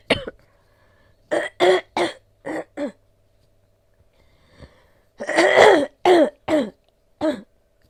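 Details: Adult woman with COVID-19, caught from her child, coughing hard with large amounts of sticky phlegm and a sore throat; productive cough.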